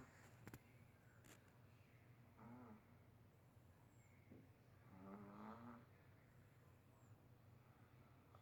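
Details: Faint, quiet snoring from a sleeping adult, with two soft rattling snores over a low room hum.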